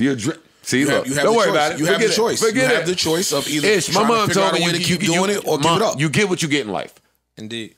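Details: Adult man speaking; ordinary speech.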